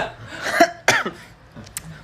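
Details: Two short, sharp adult coughs close together, followed by a faint throat sound, with quiet room noise behind.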